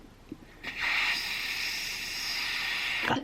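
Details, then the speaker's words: Mouth-powered nasal aspirator (NoseFrida) for newborn nasal congestion, used after one saline drop per nostril, tip at the front of the nostril, demonstration; a steady airy hiss of about two and a half seconds as suction is drawn. "you're going to use this portion and you're going to suction so you're going to put your mouth or your lips to it and you're going to"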